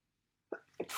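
Silence, then two quick breathy nasal bursts ending in a loud hissing sneeze, fitting a sneeze during a head cold.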